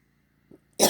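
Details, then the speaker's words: Single abrupt, harsh cough burst from an adult still battling a cold, outdoors with faint hum, otherwise near silence; cough. "Excuse the cough, I'm still battling a cold. Still feeling pretty icky."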